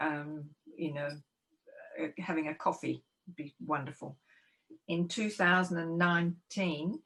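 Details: Adult living with aphasia, a committee member of a Victorian aphasia support organisation; aphasia.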